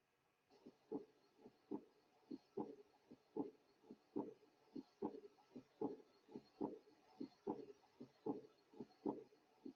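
Regular heart sounds at roughly 75 beats a minute, with a soft sound trailing off just after the second heart sound. This is an early diastolic decrescendo murmur of mild aortic regurgitation: blood leaking back through the aortic valve as the heart relaxes.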